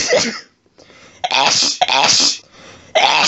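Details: Sneezing fit in bed, set off by a cat lying under the chin after a sneezy day: several forceful, wet, explosive sneezes close together with brief gaps, recorded on a cell phone.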